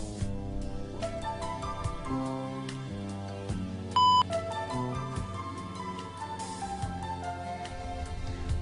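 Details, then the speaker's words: LipidPro analyzer lipid test with EDTA- or heparin-anticoagulated venous whole blood: one short, clear beep over background music when enough blood from the capillary rod reaches the test strip; result in two minutes. "apply the blood sample to the appropriate test area of the test strip using the capillary road until you hear a beep sound"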